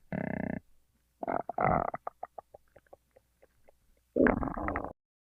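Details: Gurgling, creaking rumbles with a string of short bubbling pops in a quiet room; ordinary stomach growling (borborygmi) from gas and fluid moving through the gut.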